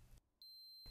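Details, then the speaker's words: Steady high-pitched electronic beep from a Flocare Infinity enteral feeding pump: the end-of-dose alarm, signalling the preset dose has been delivered; cleared by pressing the start/stop key. "end of dose signal sounds to notify you that the pump has delivered the preset dose press the start stop key to clear it"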